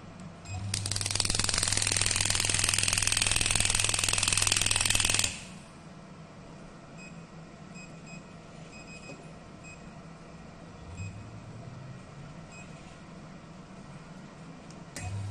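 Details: Radial pneumatic shockwave therapy device, clinical touch-screen unit with 10 treatment settings, 10 bar, delivering rapid, regular hammering clicks about 3 to 4 per second for several seconds, then quiet.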